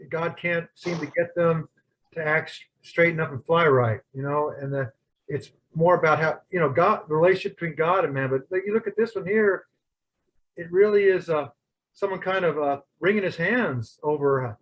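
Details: Adult speaker; Normal speech.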